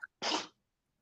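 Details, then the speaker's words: A person imitates a dog's reverse sneeze, described as an inward sneeze, an inhale and then a burst: a faint catch, then one short, harsh, snorting burst of air lasting about a third of a second. "um eric can you make the reverse sneeze sound that dogs make from brook darkly the dogs do that yes i don't know what that sounded this is correct is it a what is it's like an inward sneeze yeah it's sort of it's sort of like an inhale and then like a"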